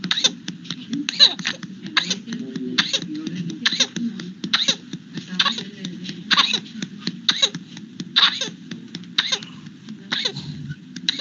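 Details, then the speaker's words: Paroxysmal whooping cough (pertussis) attack in an infected infant: a long unbroken run of about two dozen short, rapid coughing bursts with barely any pause for breath. "y aquí tenemos un audio muchachos vamos a ver si se puede escuchar de un niño infectado para que puedan ver cómo es ese status paroxística o esta tos ferina que es más pronunciada en lo que son los bebés"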